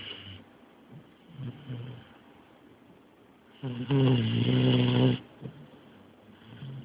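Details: Dog knocked out by medication, sedated in deep sleep: soft snuffling breaths, then a long, loud rattling snore; snoring.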